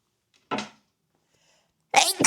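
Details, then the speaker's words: Adult streamer saying they are about to sneeze from allergy: a short sharp burst, then after a pause a louder explosive burst; sneeze. "Eu vou espirrar, tá dando alergia."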